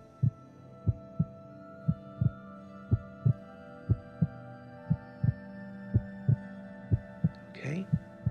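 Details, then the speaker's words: Acted ASMR role-play of a doctor listening to a monster-girl listener's heart: steady, strong paired heartbeats about 70 a minute over a faint hum, described as quick but very strong. "heart sounds good it's a very strong heartbeat as quick as it is it's very strong"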